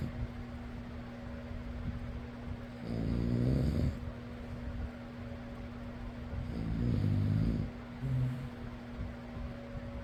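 Rough, rattling snores on each breath, roughly twelve a minute, under a steady fan hum.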